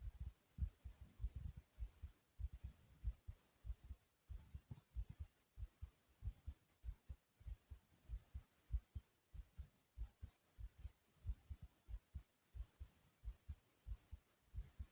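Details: Person's own heartbeat recorded inside the chest: strong, low, forceful thudding beats at roughly 95 per minute; pounding heartbeat.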